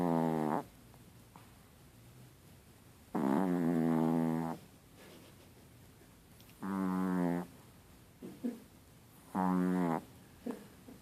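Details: Chihuahua snoring: four long, buzzing, tonal snores, each a few seconds, separated by quiet pauses with small snorts.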